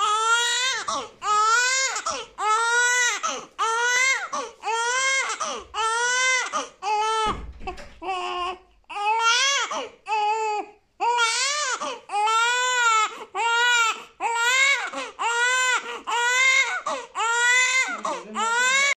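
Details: Young baby crying for mum in steady, rhythmic bursts of high, clear wailing, about one per second.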